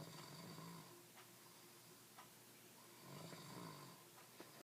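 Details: Adult man (husband) snoring in sleep: two slow, rough, rattling, drawn-out buzz-saw snores in a quiet room.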